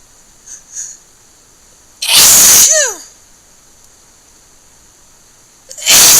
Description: few wet one with a lot of tiching breathing